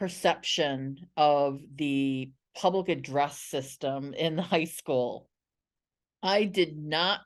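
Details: Adult woman who identifies as a person who stutters and has been a National Stuttering Association member for 17 years; stuttering.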